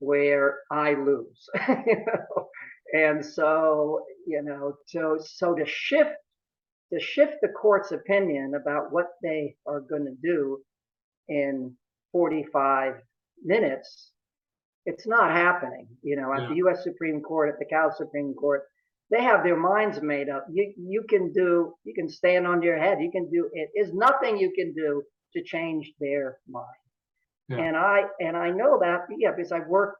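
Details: Adult male courtroom and appellate lawyer with stuttering since early childhood, course varying from severe to fluent and back; now about 95% fluent in daily life but still stutters at times; real speech. Finding: stuttering.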